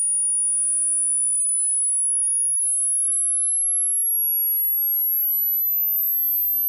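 A steady, very high-pitched pure tone slowly rising in pitch, used as a hearing test sweep.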